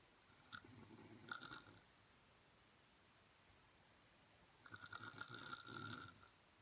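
Two quiet, rough, fluttering breathing sounds a few seconds apart, with long silence between: soft snoring.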